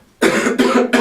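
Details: Three quick, harsh cough bursts in rapid succession after a moment of silence from an adult male singing teacher sick with flu, whose voice is limited and who mentions possible laryngitis.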